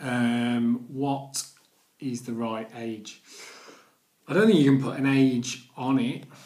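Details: Stuttering (stammering) in an adult man who has stammered daily for nearly 40 years, speaking in his video blog.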